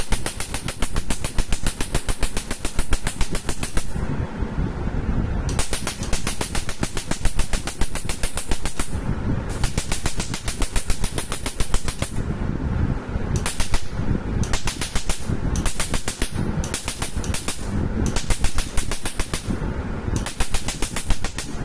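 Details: Rapid, loud snapping pulses in bursts with brief pauses, about 200 a minute, from a laser firing on a man's skin during permanent tattoo removal; music in the background.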